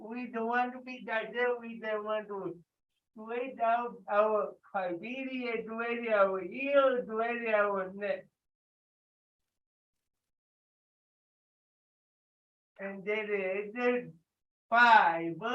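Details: Male participant with cerebral palsy leading warm-up exercises in a live workout session; dysarthric speech in cerebral palsy.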